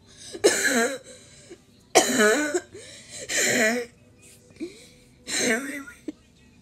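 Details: Coughing brought on by laughing at a video: several loud, harsh cough bursts mixed with laughter and brief breaths between fits, with wheezing reported.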